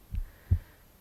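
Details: Heartbeat recorded over the left side of the chest while the person reads aloud: two soft, low thuds of one beat, a lub and a dub, with faint room hum; ordinary heart sounds.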